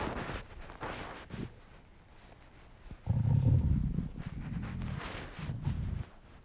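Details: Adult man's hungry stomach: long, deep, groaning rumbles with gurgling, strongest midway; hunger borborygmi, a normal finding.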